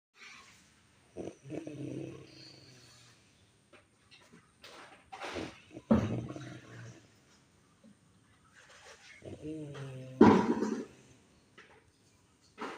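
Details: Surprisingly melodious snoring: loud, drawn-out snores with a tuneful, humming quality on the breath and some snorting catches; heavy snoring.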